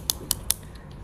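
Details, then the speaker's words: Three sharp, crisp clicks in quick succession as the dose knob of an insulin pen (FlexPen) is turned to set a 10-unit dose in a pharmacist's demonstration: insulin pen dose dial clicks. "Kalau eh penyandang diabetesnya menggunakan 10 unit, berarti tinggal diputar sampai 10. Begitu. Jadi ini diputar saya contohkan"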